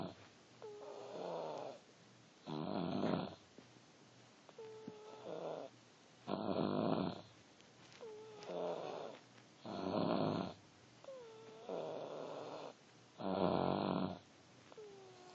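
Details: Regular rumbling snores on each breath, about 17 breaths a minute, with quieter whistling sounds between them, recorded in a small room.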